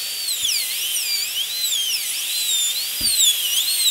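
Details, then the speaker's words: Full zirconia crown preparation, tooth number three (upper molar), rounded shoulder: rising and falling high-pitched whine of a dental high-speed handpiece beginning buccal surface reduction, aligned to the axis of the adjacent teeth. "it's going to go out to the buccal just slightly and then we'll come to the buccal surface and begin our preparation"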